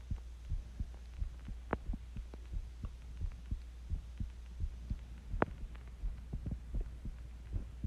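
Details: Own heartbeat recorded while sick with the flu: soft regular low thumps over a steady hum, about 87 beats a minute; heartbeat.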